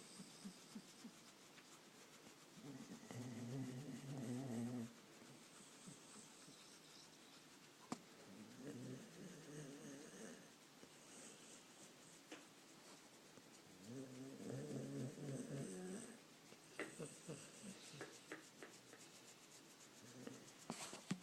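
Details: Sleeping dog snoring: low rumbling snores in irregular bursts with quiet gaps and faint clicks in a small room.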